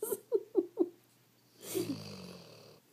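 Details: Dog relaxing on the couch after a rough day, stretching, then snoring: a few short, quick snorting puffs, then a longer soft rattling breath out.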